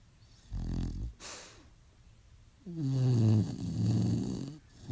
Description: My Staffordshire Bull Terrier, Roxy, having some weird dreams. She snores loud too!!!!